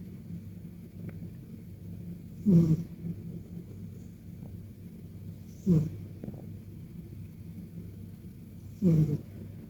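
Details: Sleeping Persian cat giving soft, brief relaxed snores, about three in ten seconds, over a quiet low hum; ordinary sleep snoring.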